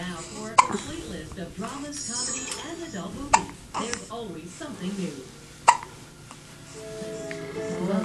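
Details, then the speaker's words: Three sharp, abrupt hiccups about every two and a half seconds, heard over background music and talk; someone with hiccups. "oh goodness oh goodness poor goodness doesn't it sound like it hurts yeah it should hurt it sounds awful it just sounds"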